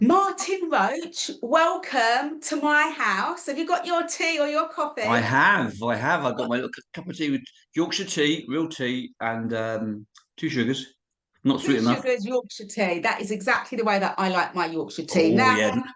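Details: Two adults talking, one higher-pitched, one lower-pitched; conversational speech.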